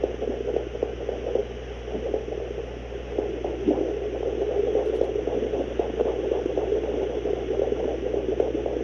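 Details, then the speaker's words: Great Dane at day 41 of gestation, fetal heartbeats found at home with a fetal Doppler: rapid whooshing pulses, roughly 230 a minute, from the puppies' heartbeats. "so those are fetal heartbeats in miss piper on her day 41 gestation hi pipes those were your babies"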